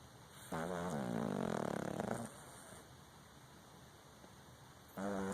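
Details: Exotic Shorthair Persian cat snoring: a long, rattling snore on the in-breath lasting over a second, then a pause before the next snore begins.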